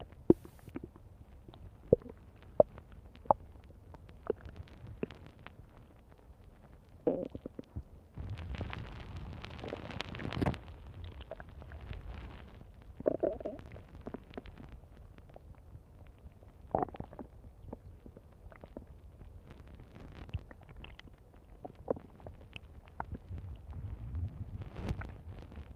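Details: Stomach growling (borborygmi): gurgling, squeaking and rumbling bowel sounds in irregular bursts.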